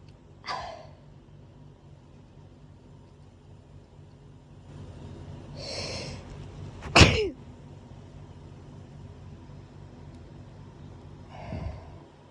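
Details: Several sharp explosive sneezes over about twelve seconds, one loud, with short inhalations between, at night after waking up sneezing; audio only; repeated hay fever, allergic rhinitis sneezing.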